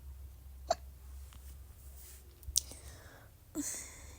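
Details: Two or three short, sharp hiccups with quiet room noise between them, ordinary hiccups, from a recording that also has croaking stomach sounds (R-CPD, suspected retrograde cricopharyngeal dysfunction) and small burps.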